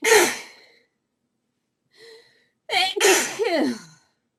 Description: Many really desperate sneezes here. Her nose was so sneezy.